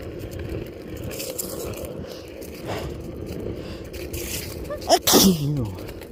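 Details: Two quick sneezes over steady outdoor noise during a sneezing fit while skateboarding outside; blamed on cold temperature and fall allergies, possibly worsened by alcohol.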